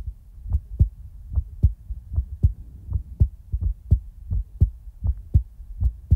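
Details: Steady paired low thumps of a normal heartbeat, about 110 per minute; heartbeat ASMR recording in real time.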